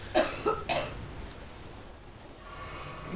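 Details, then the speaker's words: Three quick, harsh coughs from an adult woman who currently has a flu-like cold, noted as not her normal cough, followed by quiet room noise. "all right that sounded rough I that's not pinky out Yo's normal cough I I hasten to add she has a she has a flu cold thing at the moment"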